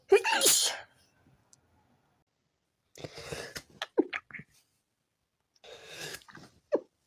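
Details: Sneezing attack in the morning after waking up. Three explosive sneezes over about seven seconds, with a sharp intake of breath before each, amid sniffing; sneezing.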